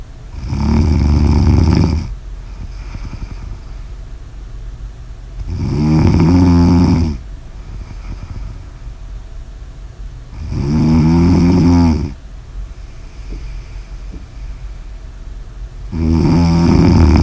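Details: Loud, low, fluttering snores on each inhaled breath, four in about 17 seconds, roughly 12 to 13 breaths a minute, with steady room noise; snoring.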